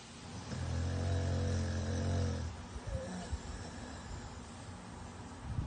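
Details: An American Bully dog sleeping in his crate: a low rumbling snore on the in-breath, then quieter breathing noise. Dog snoring while asleep.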